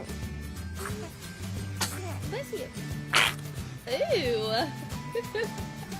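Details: Young child just able to sit up: a small, sharp single sneeze amid adult chatter and background music; sneezing.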